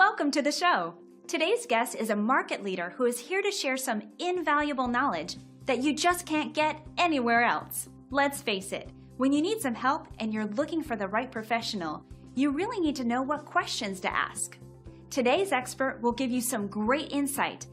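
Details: Adult woman speaking; ordinary speech.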